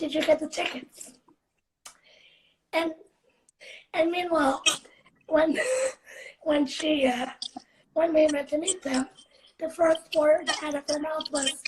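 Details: Dysarthric speech in a 17-year-old female living with cerebral palsy, recorded in a real live interview.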